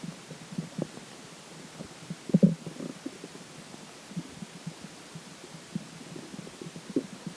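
Irregular low gurgles and rumbles with occasional louder sloshing bursts; ordinary stomach gurgling after drinking water.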